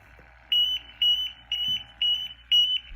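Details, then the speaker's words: Five regular high-pitched beeps, about two per second, over room hum: an oxygen monitor's low-oxygen alarm reading 18.9% (down from 20.8%) when a sock is worn over the nose and mouth as a mask. "can see right away that this is gonna go on I'm not getting the required oxygen that I'm supposed to get right now this is showing 18.9%"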